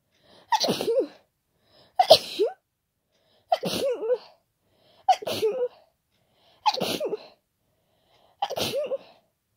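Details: Six loud, wet, powerful, unstifled sneezes about every one and a half seconds, each with a sharp intake first; repeated sneezing with an ongoing cold, described as very snotty and tickly.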